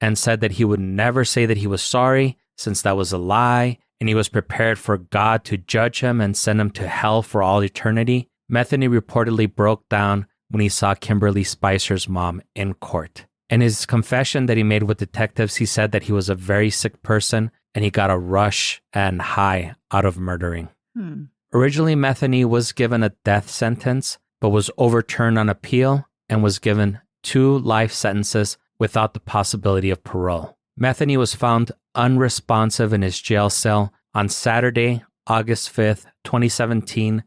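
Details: Adult male narrator, likely synthesized voice; normal speech.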